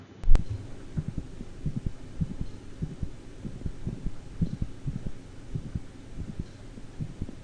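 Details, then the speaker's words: Dog heart sounds with a sharp mid-systolic click between S1 and S2 and sinus arrhythmia, rhythm speeding and slowing. "and we'll listen to a dog with a mid-systolic click dog also has sinus arrhythmia"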